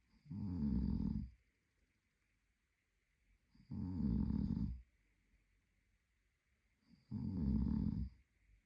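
Low, rumbling snores on each breath in, about three in the span with quiet pauses between; steady sleep snoring.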